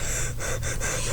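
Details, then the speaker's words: Person with ALS who choked when soda went down the wrong pipe: brief, sharp gasping inhalation imitating the throat catching on liquid. "It like went down the wrong pipe, and I thought I was just gonna like do my abrupt coughing like I commonly do when I choked."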